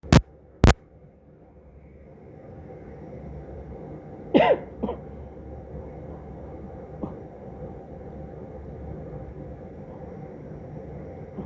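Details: Adult father coughing: a short, harsh cough burst with a brief follow-up, then quiet room noise.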